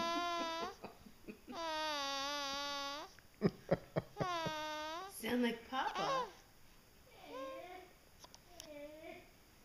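Several drawn-out, tuneful infant wails alternate with brief babbling sounds in a small room; an ordinary infant cry.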